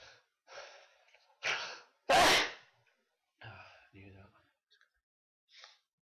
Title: sneezes